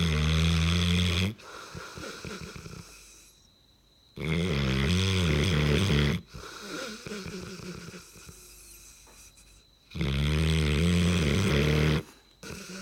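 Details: Loud, rumbling snores on each breath in, about 12 breaths a minute, with quieter wheezy breaths out between them, from a snoring dog.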